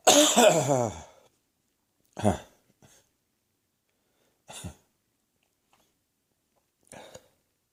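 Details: Adult coughing at night, cough said to be heading for the chest: four harsh, throaty, chesty coughs in a quiet room.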